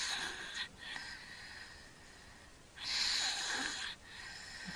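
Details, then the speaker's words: Sleeping infant in a home video from February 2009 breathing through his mouth while not congested: noisy, rough, hissing breaths, then a quieter stretch of breath-holding and a loud gasp, fitting snoring with obstructive sleep apnea. "seconds he'll probably hold his breath again you can hear him snoring he's breathing through his mouth and up to his nose and he's not congested now"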